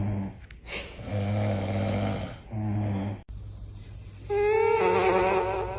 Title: Ranking The Funniest Snore Sound Ever